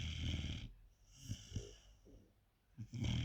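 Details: 4-month-old sleeping puppy with low, fluttering snores on each breath and soft snorting between them; snoring.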